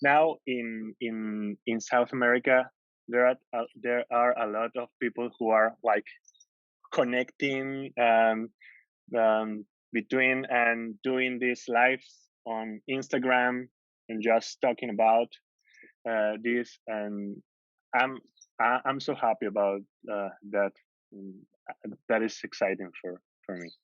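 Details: Adult man from Peru who stutters, smiling while speaking; stuttering.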